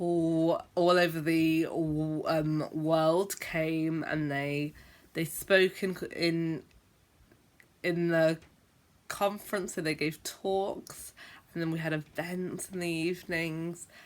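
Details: Stuttering (stammering) in an adult woman who is a teacher and reports having a stammer with sometimes long blocks; a filler and repeated words are present.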